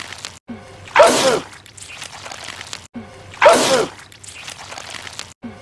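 Two acted cartoon sneezes, each a sharp burst after a short intake, repeated on a loop.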